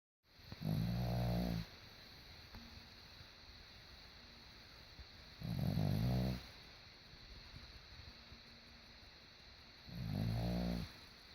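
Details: A sleeping dog snoring: loud, low rattling snores recur about every 4.5 seconds, roughly 13 a minute, with quiet breathing between.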